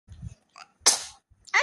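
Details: Young girl acting like sneezing: a short, sharp imitation of a sneeze with soft vocal sounds before and after, an acted sneeze.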